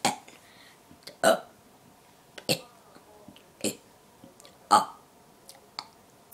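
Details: Friend deliberately burping the alphabet, letters after N: loud drawn-out belches about one per second; voluntary burping.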